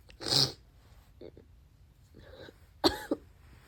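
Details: Sneezing fit leaving snot everywhere: wet spraying sneeze, sniffles and a false start, then a sharper second sneeze, light room noise behind.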